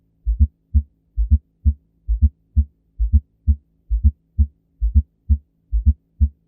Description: The S4 heart sound (aka an "atrial gallop") is heard late in diastole, occurring during the atrial filling phase and coincides with the p-wave on an electrocardiogram (atrial systole).